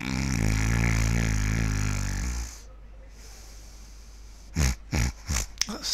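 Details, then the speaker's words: Simulated: an adult imitates loud, harsh, rumbling snoring, then a pause and several short snorts, acted stertor (stertorous breathing). "so what did you think of my starter my breathing was it sturturous I've been told that my stirter is so loud that it could wake the Dead"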